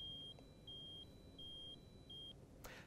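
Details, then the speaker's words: Hospital training on the ResQCPR system for active compression-decompression CPR: alternating high and slightly lower metronome tones, about 170 a minute, signalling compress on one tone and lift on the next, for 80 compress-lift cycles per minute. "once you have your technique down turn on the metronome compress on one tone and lift on the next an easy way to get coordinated with the tones is to think push lift push lift with each alternating tone"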